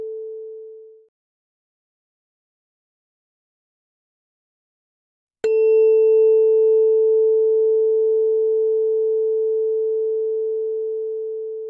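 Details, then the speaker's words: Roleplayed tuning fork test in an ASMR cranial nerve exam: a struck tuning fork rings as a pure, steady, slowly fading tone, introduced for the Weber test (fork on forehead) and Rinne test behind the ear. "in the Weber test I'll Place The Tuning Fork on your forehead and I'd like you to indicate in which ear you hear the sound more clearly"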